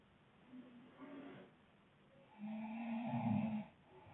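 Soft rattling breath sounds, then a longer, louder, rough snore lasting about a second and a half.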